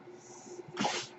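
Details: A faint steady hum, then a brief breathy whoosh of air as the speaker's own ventilator delivers a breath during a podcast recording: a mechanical ventilator sound.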